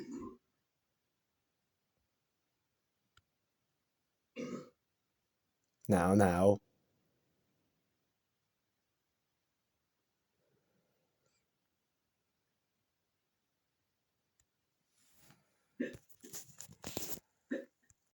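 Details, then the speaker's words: Comedic burping clip with loud burping effects: a loud, long voiced belch among short throaty sounds and quiet noises, with the speaker saying excuse me and that it is impolite to burp. "Oh, wow. This is really impolite to burp. Now, this is impolite to burp."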